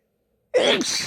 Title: Big sneezes and blows